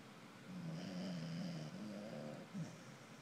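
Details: A Corgi mix rescue dog snoring.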